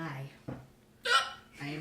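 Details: Hiccups during a Richard III monologue: spoken lines broken by an abrupt, loud, high gulping hiccup.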